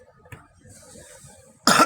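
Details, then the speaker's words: Single faint cough during a conversation, followed by a loud burst of noise; the listener said the cough sounded like a splash; an ordinary cough. "It sounded like you coughed up so long or something."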